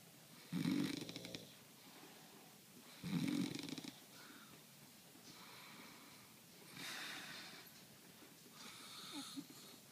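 Loud, rough snores come with some inhalations, roughly every two and a half seconds, between softer breaths; ordinary sleep snoring.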